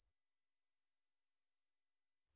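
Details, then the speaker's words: Simulated tonal tinnitus, the most common type, like the speaker's own high-pitched tinnitus: a faint, steady, very high-pitched tone fading in and out. "Este sonido de tinitus se conoce como tinitus tonal y es el tipo más común de tinitus"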